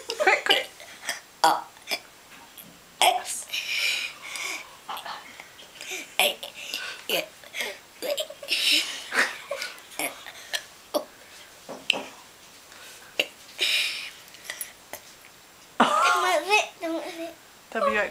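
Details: Girl deliberately burping the alphabet: a series of voluntary belches shaped into letter sounds, with laughter near the end; deliberate burping, not a medical sign.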